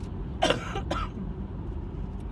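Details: Two short, harsh coughs from an adult woman with bronchitis diagnosed by her doctor; low traffic-like rumble behind.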